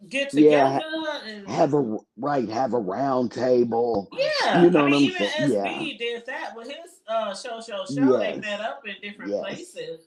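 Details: Dysphonia in an adult woman from a vocal fold injury, accidentally touched during recent thyroidectomy; hoarse, altered voice; she expects recovery in a couple of months.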